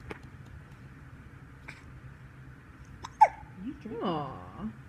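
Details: Baby with hiccups in a quiet room: soft breathing, a sudden sharp hiccup, then a brief whimpering vocal sound.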